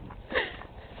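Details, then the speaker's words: A horse with hiccups gives a single short, sharp breathy hitch; one hiccup. "here's Daman he has the hiccup"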